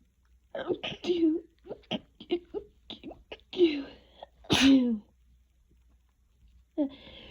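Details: Person with a cold in a sneeze fit that woke them up, barely able to breathe between sneezes: short breathy catches, then a sharp sneeze burst near the end, with speech-like sounds around it.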